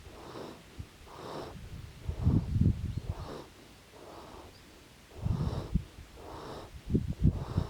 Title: Kotra ranch - snoring baby horse :-) 2019.09.15